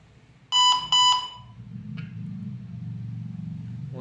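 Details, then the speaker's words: BPL Acura V1 volumetric infusion pump running on battery, switched on by holding the on button 2 seconds: two loud clear beeps, then a click and quiet hum, the normal power-on self-test tone. "First to power on the device you should just press the on button for 2 seconds and you can hear a long beep along with the device when they do self test."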